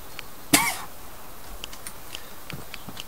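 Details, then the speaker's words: Single abrupt, harsh cough burst from an adult man who says smoking weed for 13–14 years always makes him cough; faint clicks and room noise; cough after smoking. "Smoking always makes me cough. I've been smoking weed for forever. 13, 14 years, and I still, every time I cough, alright."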